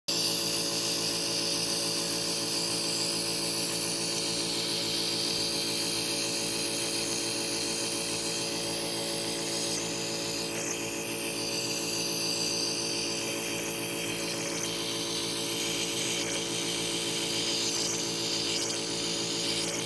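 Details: Nebulizer compressor running during a nebulizer treatment for a cough: a steady mechanical whine and rapid buzzing hum, running continuously and working normally.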